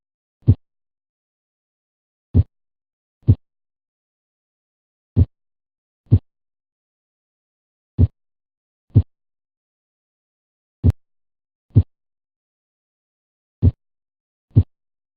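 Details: Simulated normal heart sounds at 24 beats per minute, deliberately slowed for teaching: slow, clean lub-dub pairs of S1 and S2, each pair counting as one beat.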